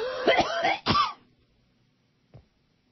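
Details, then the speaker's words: Adult male radio host on air, choked up and unable to talk, blaming phlegm and a returning cough: harsh throat-clearing cough in two bursts, then a faint sound; phlegmy cough. "I'm choked up. I can't talk. Wow. Well, wait. That damn phlegm."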